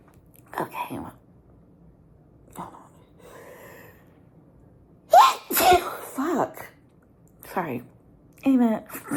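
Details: Several short, sharp morning sneezes among quiet breaths and brief voice sounds in a small room; sneezing.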